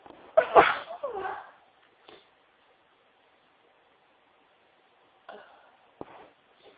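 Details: Person sneezing into tissues: one loud, forceful sneeze followed by brief muffled sounds, then quiet; ordinary sneeze.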